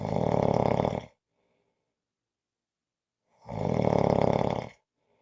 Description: This is a 5-minute clip of snoring.